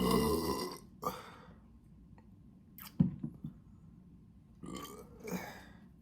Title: Bloated and some burps